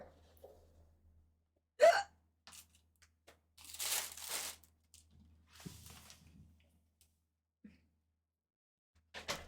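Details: Streamer with hiccups on a live stream: several short, sharp involuntary vocal catches at irregular intervals in a quiet room, while talking about preparing food.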